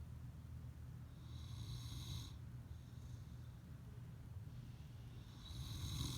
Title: wolfhound snores in sleep (almost 1 yo!) [sound on] [2021-04-21]